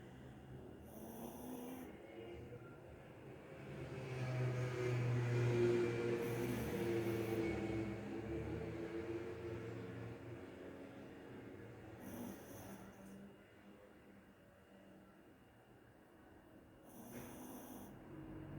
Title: Puppy sleeping and snoring !!!